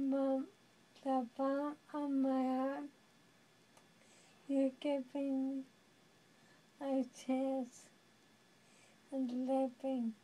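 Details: Dysarthria in a young woman living with amyotrophic lateral sclerosis (ALS, Lou Gehrig's disease).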